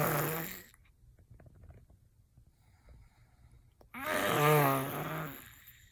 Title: Baby mimicking my snore / hilarious